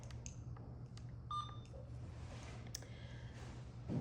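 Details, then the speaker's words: Infusion pump keypad beeps: faint brief electronic beeps over room hum while turning on and setting up an IV pump (new patient, med-surg unit prompts) in a nursing demonstration of running IV fluids. "So whenever you're using a pump, you have to use the special tubing for the pump. They do beep. You can silence them, yellow button."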